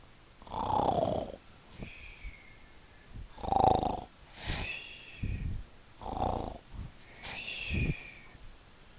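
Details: Adult man snoring in sleep: rhythmic rough snores on each breath, about 22 a minute, with whistling sounds between them.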